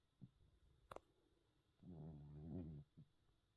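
A soft, low, buzzing rumble on one breath, with small snuffles around it: a faint snore from a sleeping cat.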